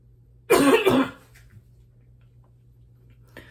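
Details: Congested cough in an adult recently more congested, with suspected allergies: a single harsh, wet-sounding double cough burst, then quiet room hum.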